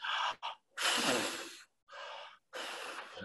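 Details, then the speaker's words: Child with suspected absence epilepsy doing the hyperventilation test: repeated strong, forceful blowing breaths (about 30, blowing at a held paper sheet) used to trigger an absence seizure, after which the child stares blankly. "Ya. Namanya adalah tes hiperventilasi. Kalau dia benar absans, disuruh bernapas seperti meniup seperti itu 30 kali pasti muncul."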